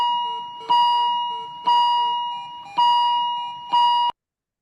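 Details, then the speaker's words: Repeating bright beeping chime about once a second, four bursts: an ICU patient monitor alarm activating, played as a teaching demonstration on alarm fatigue. "Okay, just pay attention to the different tones that are coming. Okay. [Music] Now this is warning explode to low."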